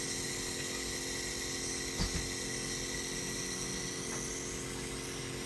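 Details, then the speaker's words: Compressor nebulizer switched on for home nebulisation of a baby with cold and cough: a click, then a steady mechanical hum and buzz of the running machine. "तो आप जो है ये ऐसे लेकर और यहाँ एक पीछे ऑन ऑफ का स्विच है, इसको ऑन कर दीजिए। ये देखिए, बस ऐसे जो है ऐसे"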